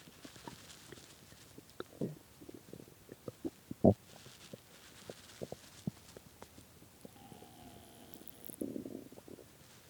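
Quiet scattered gurgles and pops with a few longer rumbles and a soft squeal; hunger stomach growling.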